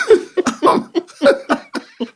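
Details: Adult man with lifelong asthma imitating his cough during a story: a rapid run of about eight short, dry cough bursts edging toward laughter; a deliberate, simulated cough.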